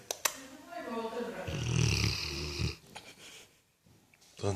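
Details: Sleeping dog snoring: a loud, rough, low rumbling breath sound followed by quieter breathing.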